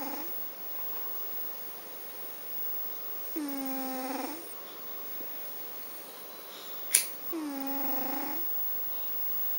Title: garfield snores.MP4